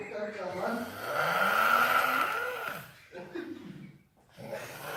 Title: El postre roncando